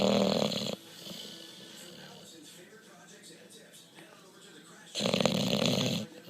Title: 45 amazing seconds of Bulldog Hendrix snoring.